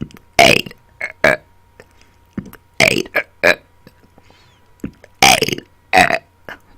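A run of loud, deliberate belches, some shaped into words. This is voluntary burping on command, not an involuntary symptom.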